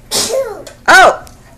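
Two quick explosive sneeze-like bursts from a child, indoors; an ordinary sneeze.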